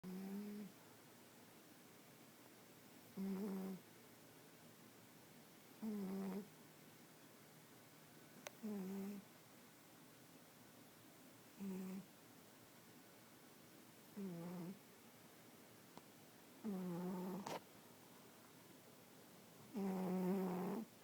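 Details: Pet cat Lana snoring really loudly while asleep, in regular, buzzy bursts at about 21 breaths a minute.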